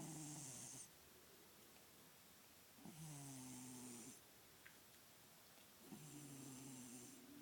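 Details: Steady, droning snores from a sleeping cat that always snores in sleep, each about a second long with a soft whistle, roughly 20 a minute; snoring.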